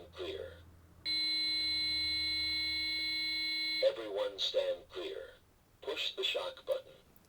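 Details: Infant AED training demonstration for a healthcare provider as a single rescuer: after "shock advised, charging," a steady high-pitched tone lasts nearly three seconds with speech around it; an AED shock-ready prompt tone.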